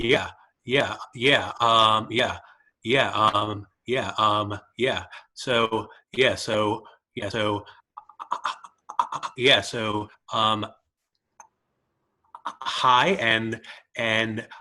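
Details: Stuttering in a participant who stutters, speaking at a stuttering-association open mic recorded online in July 2020.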